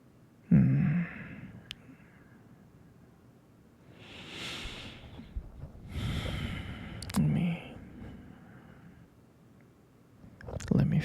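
Slow, audible breaths with airy sighing exhalations and a few snorty catches, about five breaths over eleven seconds; noisy breathing.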